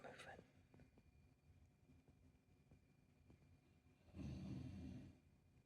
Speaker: Oh, they're going to sleep. Do y'all hear that? That's my dog snoring over there.